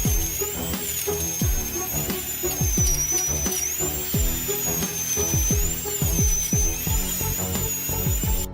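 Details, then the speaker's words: High, steady dental surgical drill whine with short bursts over music: the drill cuts bone and sections the crown and root of a horizontally impacted wisdom tooth fully buried in the gum, in a patient who feels no pain but feels vibration. "That makes you feel no pain But you can hear the drill You can feel the vibration of the drill. The whole head is buzzing"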